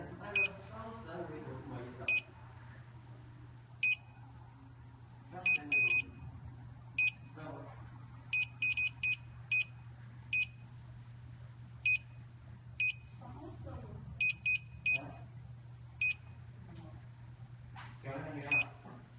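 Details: Short high electronic beeps, single and in quick clusters, over a low steady hum and faint talk; a root canal apex locator signalling.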